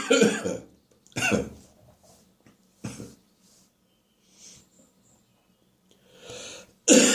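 Four sharp, harsh, staccato cough bursts from an adult, with a barking quality, during an upper respiratory infection.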